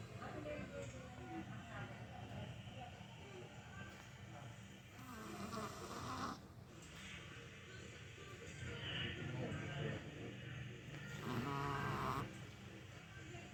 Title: Chihuahua Dog sleeping like a human, stretches, and snores. Goliath is 10 years old and loves sleep.